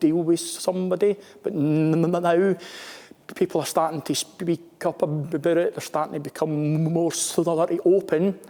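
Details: Stuttering (stammering) in a male British Armed Forces serviceman who stammers.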